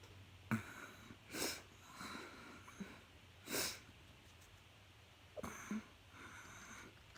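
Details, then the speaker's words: Adult eating pizza while tipsy announces another sneeze: a few short, sharp bursts of breath in a quiet room, consistent with sneezes and sniffs. "Oh, here we go. Here another fucking sneeze."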